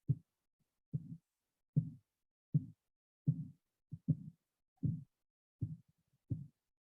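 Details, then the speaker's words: Stethoscope recording during a blood pressure cuff measurement: regular soft thumps at about 77 a minute, heard from systolic pressure until they disappear at diastolic pressure; Korotkoff sounds. "that's the low pressure as the sound disappears again as well."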